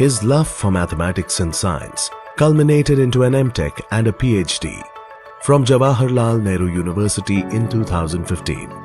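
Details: Adult male narrator; Normal speech.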